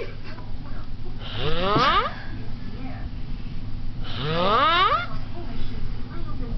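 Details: Adult man fast asleep: two loud snores about three seconds apart, each a rising, whistling, wavering rattle over a low steady hum of room noise; snoring.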